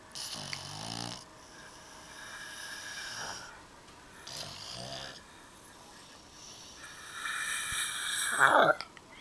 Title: pug bubba snores together with his lovely daddy